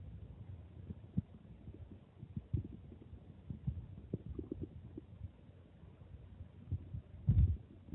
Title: Stomach growling after drinking water